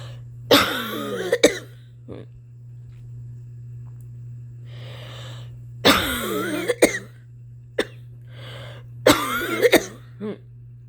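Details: Performer's long-standing cough, previously attributed to allergies, now worrying them; possible asthma suspected but not diagnosed, with asthma in family members; chronic cough.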